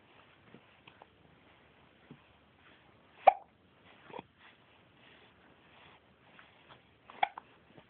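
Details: Hiccups recorded 12 Oct 2007: a few abrupt, sharp catching sounds a few seconds apart over faint room noise.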